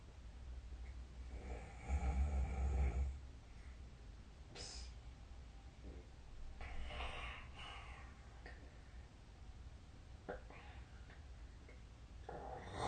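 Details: Low, rough snoring sounds recur every few seconds during sleep over steady room noise, recorded with a snore-tracking app: snoring.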